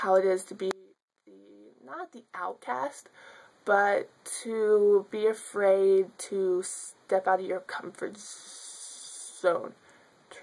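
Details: Adult woman who has stuttered since childhood, speaking spontaneously; stuttering.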